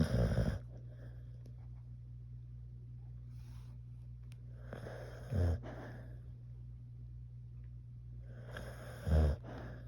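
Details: Three loud, low snorting snores about four seconds apart over a steady low room hum; snoring.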